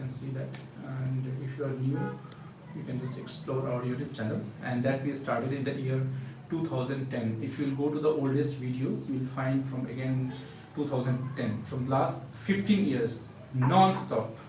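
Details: Adult male speaker; ordinary speech.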